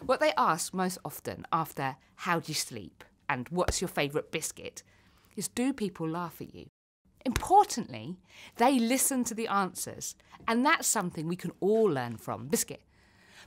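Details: Vocal tic in a woman with Tourette syndrome; a repeated single-word tic interrupts her speech.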